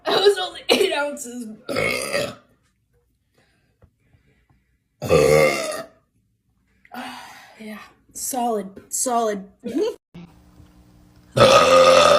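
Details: Young woman deliberately burping: several long, deep, voiced belches separated by pauses: repeated burping.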